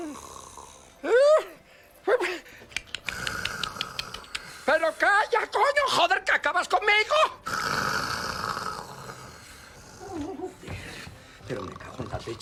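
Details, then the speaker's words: Acted snoring from a Spanish comic film scene: loud, exaggerated, voiced, rattling snorts in irregular bursts over room noise. "pero ¿cómo se puede no roncar de esa manera? ¿Pero cómo se puede roncar?"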